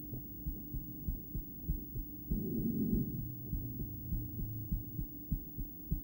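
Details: Adult female heart heard through a poorly placed stethoscope during breathplay, going into bigeminal rhythm several times: muffled, unevenly spaced paired beats with pauses, partly masked by loud breathing.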